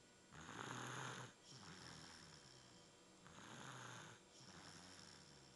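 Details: Stuffy-nosed sleeper snoring: soft, rhythmic snoring with a breathy inward snore and a gentler outward breath, about three seconds per cycle, over faint room hiss.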